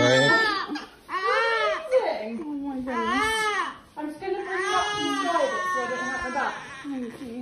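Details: Newborn baby boy in hospital, born 3 days premature, first 24 hours after birth: loud, rising and falling wails in bursts with brief pauses for breath; a newborn crying vigorously.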